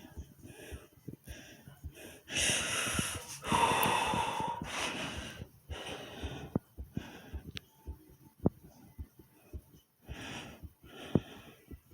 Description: listen closely as you hear my heartbeat racing and me breathing hard hope you guys enjoy.